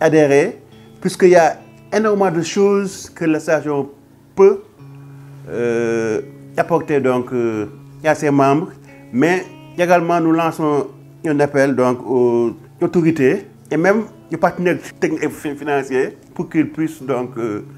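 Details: Young Senegalese man who stutters, a political science doctoral student who coordinates a stuttering association in Dakar; stuttering.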